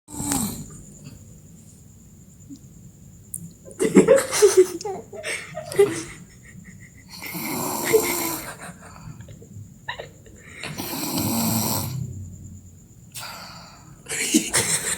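Rough, rattling snores on each breath, about four across the stretch, with quiet gaps between and faint room noise: snoring.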